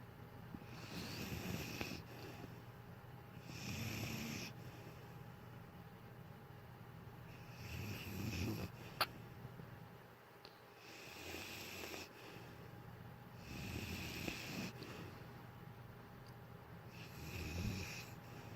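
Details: Sleeping dog snoring: rhythmic, low, rumbling snores on each breath, about 15 a minute, with hissy exhalations between.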